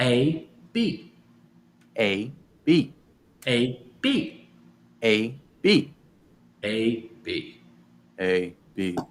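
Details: Adult male speaker; aphasia.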